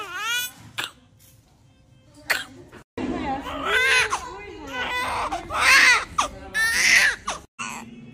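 Newborns give short, high-pitched cries and whimpers in quick cuts, with music and room talk behind; normal crying of newborns just after birth.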